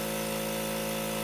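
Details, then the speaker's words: Suction machine switched on during cough-assist and suctioning care of a ventilated tracheostomy patient: steady motor hum with a droning whine; suction machine running. "we're going to press the green button turn the suction machine on take the Yonker off the section"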